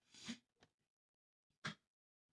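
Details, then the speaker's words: Dog Ellie sneezing indoors: two sharp, breathy sneezes with a small snort between them in a quiet room. "are you okay Bubby Ellie what are you choking on what's up what are you doing you okay she was sneezing did you guys hear"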